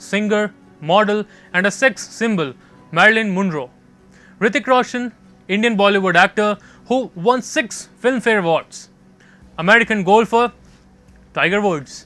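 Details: Adult narrator; normal fluent speech.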